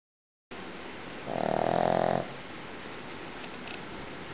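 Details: Pekingese dog snoring very loudly: one loud, rattling snore lasting about a second over steady room noise.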